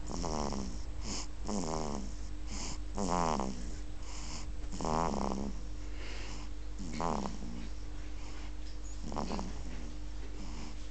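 Rhythmic, buzzing, rattling snores about 35 a minute over a steady hum; snoring.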